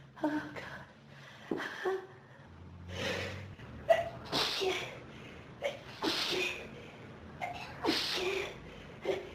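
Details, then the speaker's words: Person with pollen and dust allergies since about age 14, in a dusty room: rapid run of about six sharp sneezes with gasping in-breaths between them; sneezing fit. "I keep needing more and more sneezes. Yeah. Achoo. Achoo. I need more tissues."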